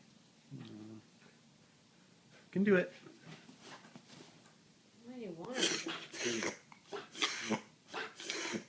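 A dog makes a run of rapid, harsh snorting breaths drawn in through the nose, typical of reverse sneezing.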